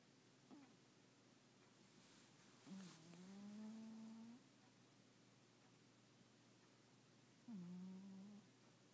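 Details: Sleeping pet cat snoring: two drawn-out, humming snores in a quiet room, a normal sound during sleep.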